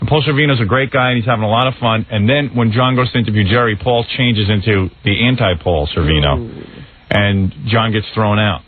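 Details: Adult male radio host; typical speech.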